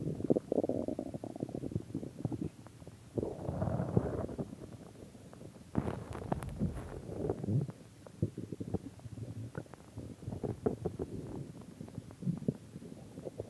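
Gurgling, rumbling bursts of varying length from the abdomen: ordinary stomach growling, normal gut sounds.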